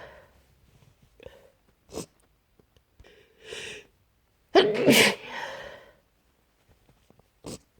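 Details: Adult trying hard to stay quiet: a run of stifled, muffled sneezes with one louder burst in the middle, in a quiet small room; repeated sneezing.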